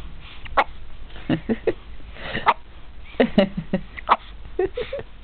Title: having hiccups